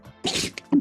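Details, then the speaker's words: Single short, sharp hissing sneeze from a pet named Taxi during a sneezing fit, with faint room sounds; owner asks if he's okay. "Maybe I'll end the video with a taxi sneezing fit because that was probably more entertaining than most of the games with Jim Hammond. What was that? Did you guys hear that? He's sneezing. Oh, Taxi, you okay?"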